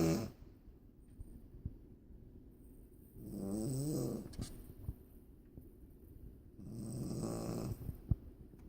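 Two rough, rattling snores on the in-breath, about 16 breaths a minute, over steady engine-like cabin hum. Ordinary snoring.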